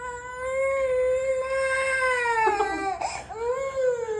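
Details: Sustained high-pitched wailing cry with a brief catch for breath from a six-month-old baby girl; infant crying.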